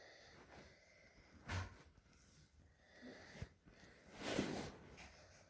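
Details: A child's breathing with inspiratory stridor from acute laryngitis (croup).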